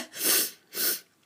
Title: High-pitched sneezes (plus little bits of coughing and rambling about feeling icky)